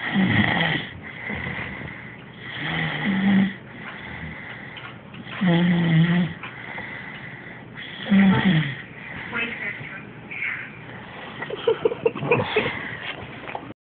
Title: My baby snoring! Ha!